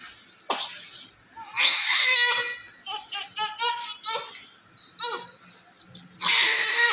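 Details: Small newborn male baby delivered by LSCS (caesarean), born with vernix, during cleaning with baby oil. Short bursts of high-pitched crying and whimpers with breaks between cries.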